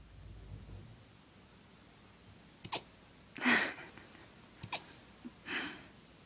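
Repeated short sharp gulping catches with soft breathy puffs from a small puppy, fitting hiccups.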